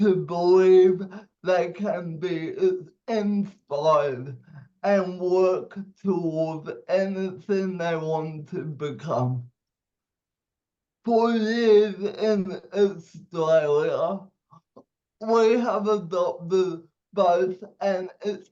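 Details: 27-year-old man with cerebral palsy, speech affected by his condition; dysarthria (cerebral palsy).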